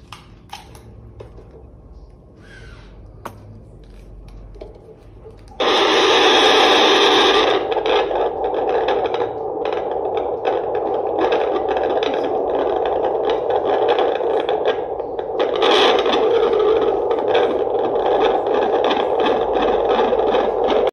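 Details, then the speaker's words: Normal fetal heart sounds on Doppler: rapid, rhythmic whooshing pulses heard best toward the midline and lower abdomen, with the fetal head engaged deep in the pelvis in left occipito-anterior (LOA) position. "now as the head goes down into the pelvis you see the fetal heart rate also moves towards the midline and downwards now I can hear it here best"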